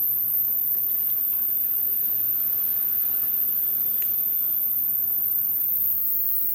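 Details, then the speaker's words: Hearing-age test: a steady, very high-pitched thin whistle over faint room hiss. The listener stops when no longer heard because hearing of high frequencies declines with age. A high-frequency hearing test tone. "When you stop hearing the noise, stop the video. That is the age of your ears. The frequency with which you hear changes with age."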